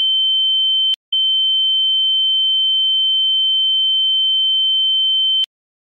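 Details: Simulated tinnitus sound effect: steady high-pitched pure tone, briefly interrupted, imitating ringing in the ears.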